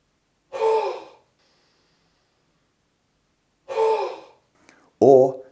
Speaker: take a full breath in through the nose and then Force the air out through your mouth to create a huffing action